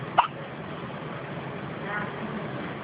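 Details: Newborn boy in the NICU after his birth with hiccups: one brief, sharp hiccup over steady background noise; hiccups.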